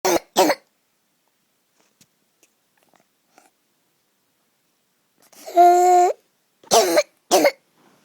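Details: Sleeping child on the third night of croup, already given dexamethasone and prednisolone, with a runny nose from a virus: coughs around a loud, high-pitched crowing inspiratory stridor, severe, with adrenaline nebuliser needed soon after.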